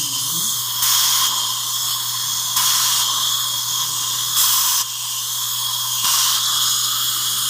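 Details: Bursts of high-pitched dental drill whine during one-appointment mini implant surgery for an overdenture: placing upper mini implants in the jaw bone of a female longtime denture wearer whose lower mini implants were already in place.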